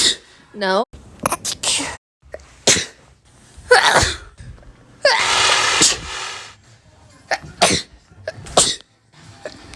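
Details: Repeated sneezing.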